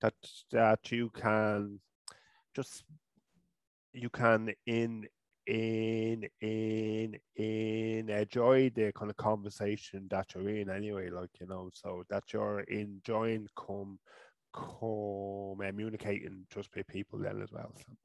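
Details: Adult man from Ireland, a person who stutters, with speech therapy first around age 5 or 6; stuttering.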